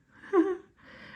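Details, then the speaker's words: Dog snoring in the background during a jewellery-making tutorial; the owner says he always seems to snore. "Bless him, he always seems to snore."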